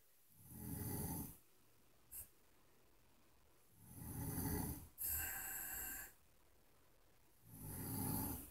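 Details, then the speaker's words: Two sleeping parents snoring in tandem: loud, rough, low snores at about 17 a minute with quiet gaps between; ordinary snoring. "that is the sound of our parents snoring in tandem"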